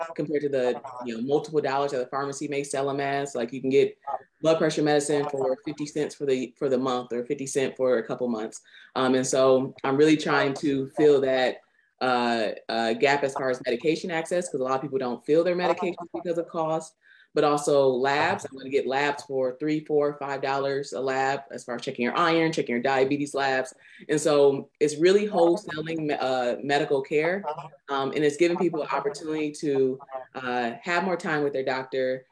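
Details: Adult speaker; normal speech.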